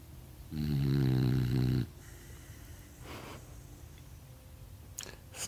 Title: snoring